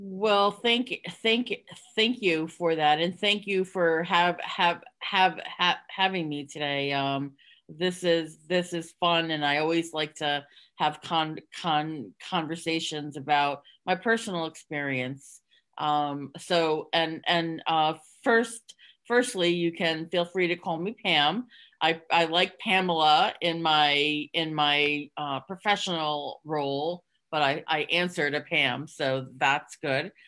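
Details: Stuttering in an adult woman who concealed it for close to 30 years (covert stuttering) and now stutters openly.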